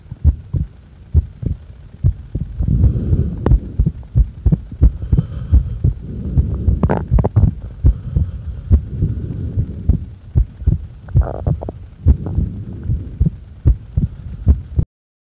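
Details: Heart sounds recorded during breath-holding after inhaling and after exhaling: steady, regular heartbeat thumps about 70 a minute with soft breath whooshing between holds; normal heart sounds.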